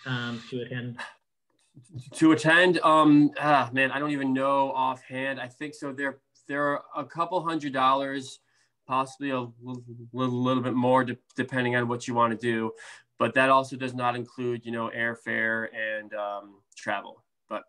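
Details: Stuttering in an adult man, a speech therapist who stutters, with blocks, prolongations, sound repetitions and interjections; severity varies from day to day.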